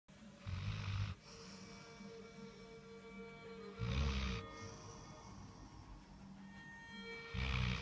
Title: Snoring dog